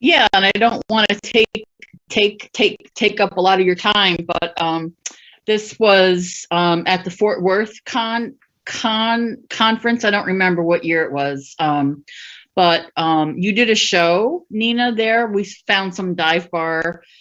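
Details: Adult woman who stutters, speaking with part-word and whole-word repetitions; stuttering.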